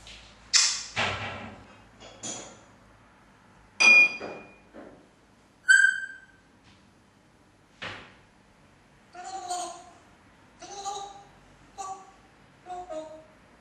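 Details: African grey parrot sneezing: short sharp puffs and clicks mixed with its own whistles and chirps.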